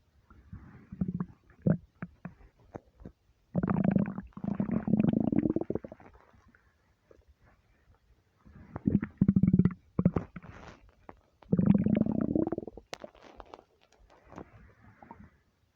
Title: deep long empty stomach rumbles